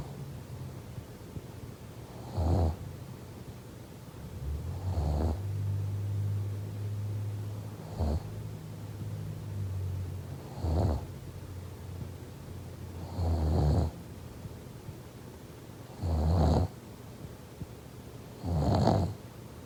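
Repeated low rattling snores during sleep, about seven in twenty seconds, with soft noisy breathing between.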